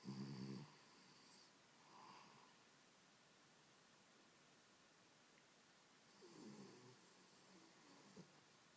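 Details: A dog snoring in sleep, which reportedly never stops: quiet, low snoring breaths repeating every few seconds with faint snuffling.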